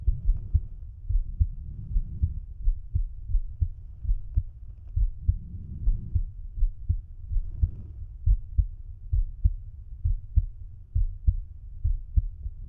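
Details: Adult male's heart sounds, self-auscultated with a stethoscope bell at the mitral area (apex) while lying on his side: steady, regular low thumps with soft rumbling underneath.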